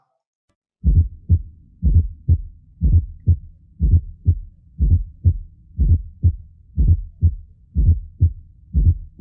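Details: Teaching recording of a fourth heart sound (S4 gallop) from a cardiac physical examination lesson.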